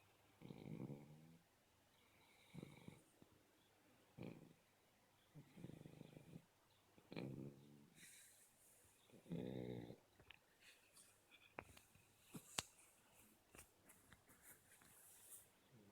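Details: Snoring from a sleeping black Shar Pei puppy: soft, regular snorting breaths about every two seconds, with faint clicks and rustling.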